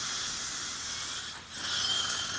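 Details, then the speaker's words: Steady hissing whine with a brief dip as the second surgical drill (2.85) deepens the osteotomy in the upper right jaw, a site healed after a sinus graft, before placement of a one-piece ceramic dental implant. "so this is our second row which was a 285 at TD 285 now we just go to our last drill which is a teenage 325"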